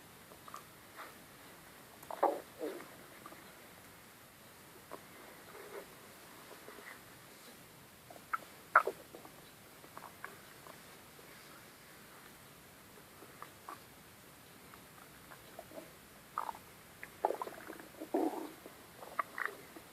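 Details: Very loud stomach growling: scattered short gurgling and squeaky rumbles in a quiet room; borborygmi.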